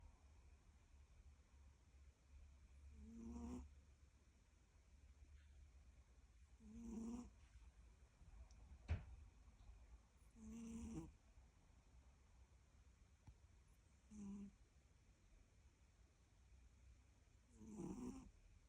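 Soft, low snoring breaths from a sleeping cat, about 17 a minute, against a steady low hum.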